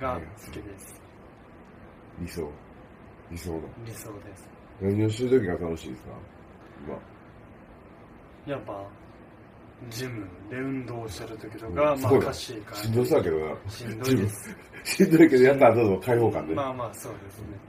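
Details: Young man with dysarthria and higher brain dysfunction after diffuse axonal injury from a traffic accident, with left hemiparesis; dysarthria.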